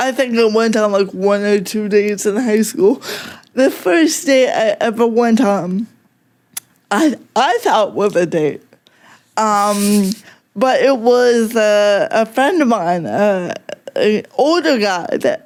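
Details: Adult woman with cerebral palsy affecting mostly speech, also fine motor skills and slightly walking, no mobility aid; talking is harder for her: dysarthria (cerebral palsy).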